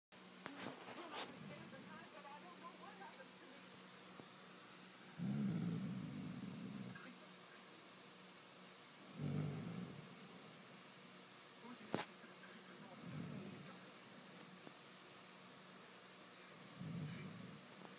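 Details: Sister snoring in sleep: low rumbling snores recurring about every four seconds, roughly 15 a minute, over steady room hiss.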